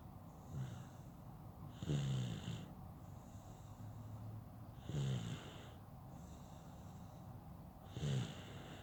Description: Baby snoring while taking a nap